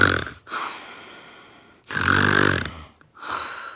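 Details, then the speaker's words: Imitation of a man's habitual heavy snoring from before he used a ZQuiet anti-snoring mouthpiece: a loud, rattling, snorting inhalation between softer breathy exhalations. This is imitated snoring. "Rick is really good at snoring very good as soon as he hits the pillow and he's I mean he can fall asleep within five minutes and he's snoring it's like"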